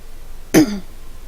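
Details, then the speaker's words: A single short, throaty, partly throat-clearing cough from an adult streamer with a slightly rough voice, unsure whether sick or allergic; faint room noise. "Also, as you can hear, I'm coughing a little bit. I am so sorry about that."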